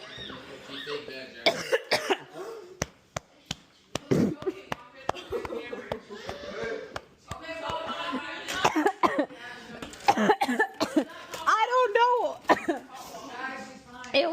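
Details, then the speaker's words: Repeated coughs and throat clearing with strained speech and laughter from a person whose food went down the wrong pipe while getting up for a drink mid-chew: coughing after food aspiration. "the wrong pipe. No, I keep coughing. Stop looking at me, y'all. I'm fine."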